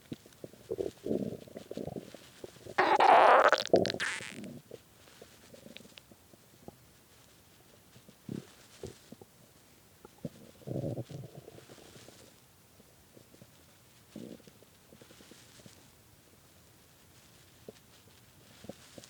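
Loud gurgling, rumbling bursts come and go over quiet stretches, one long growl near the start: hunger stomach growling.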